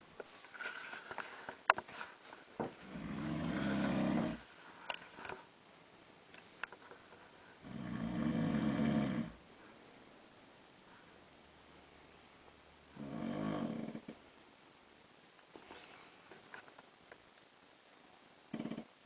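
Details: Adult man (husband) snoring during sleep at night in a dark room: rough, rattling snores roughly every five seconds, each lasting one to two seconds, in a quiet room; restless night, snoring grows louder.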